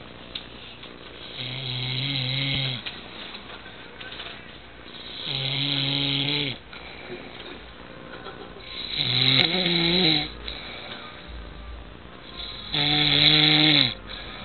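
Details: Four loud, rough snores with quiet gaps, roughly every four seconds (about 15 a minute), from a father who fell asleep while sitting; ordinary snoring.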